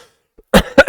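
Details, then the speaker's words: Two short, harsh coughs after a brief quiet pause, from an adult whose cold has gone down to the chest, leaving a hoarse voice. "And unfortunately, it's just gone down to my chest. So, you can probably hear my voice is pretty pretty crappy."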